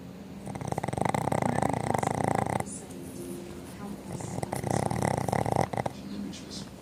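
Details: Sleeping Boston Terrier dogs snoring loudly enough to drown out a TV: long, rattling, vibrating snores across two breaths with faint room noise; snoring.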